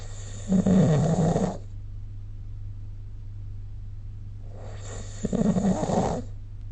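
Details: Snoring recorded with the SnoreLab app: two loud, rattling breaths about four seconds apart over a steady low hum.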